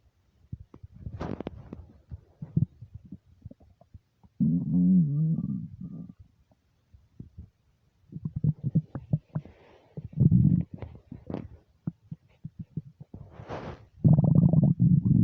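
Loud, gurgling, bubbling rumbles in bursts with quiet gaps between, hunger rumbling of an empty stomach.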